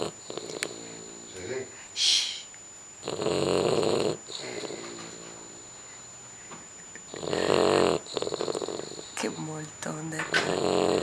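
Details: Sleeper snoring: loud, rattling buzz on each breath with a quieter snuffle between breaths and a quiet voice in the background; snoring.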